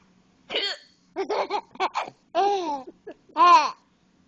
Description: i have the hiccups, and my son is sitting on top of me and thinks they are hilarious!